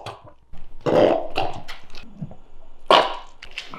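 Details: Small Shiba Inu dog burping: two loud throaty belches with softer gulping and snuffling sounds between them.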